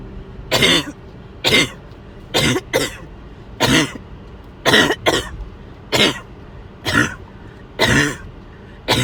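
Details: Coughing with fever, while overheated and sick to the stomach: about nine harsh, separate coughs over nine seconds, some in quick pairs, with brief pauses; cough.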